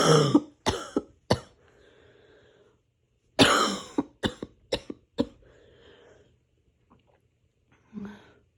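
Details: Adult coughing harshly in two clustered fits during a cold, with a raspy breath drawn between them; painful cough.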